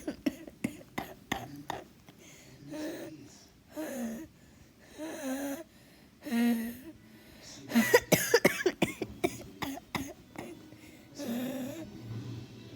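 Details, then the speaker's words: Person who is really sick: several drawn-out breaths with a musical, whistling tone and short cough-like bursts between; audible wheeze. "really sick, you can like wheeze. Like, listen to this."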